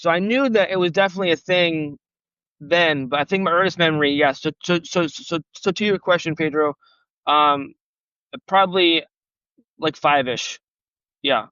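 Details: Real stuttering in an adult man who has stuttered since age 5 and had speech therapy on and off from grade school to college, heard in a podcast interview.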